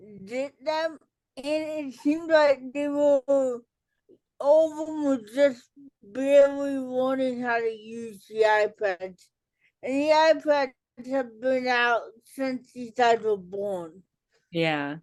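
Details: Dysarthria in an adult woman with cerebral palsy, an educator and author, who says listeners may not understand her and that she talks differently.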